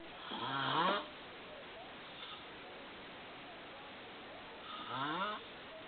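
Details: Snoring from a man asleep, filmed without his knowledge.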